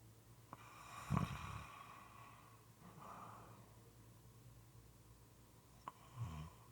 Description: This is a 5 1/2 minute clip moist and sometimes irregular snoring.